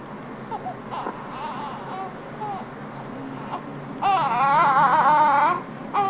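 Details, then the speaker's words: Soft whimpers and fussing that build into a sustained wailing cry from a baby, over steady room noise; infant crying. "when the baby is crying the question is the big question is how long will the baby cry"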